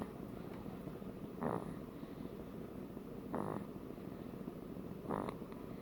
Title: More snoring.